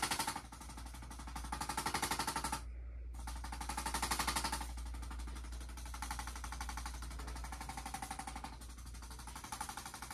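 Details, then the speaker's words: Rapid, fairly regular mechanical tapping, about four taps a second, with a short pause, from a handheld chiropractic adjusting instrument used on a patient's first chiropractic visit. "don't move I'll use this tool here to tap it looks like this"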